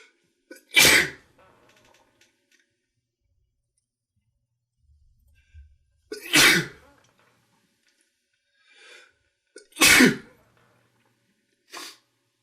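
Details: Three loud, explosive sneezes, each preceded by a brief intake of breath, then a softer sniff, during an allergy-affected morning.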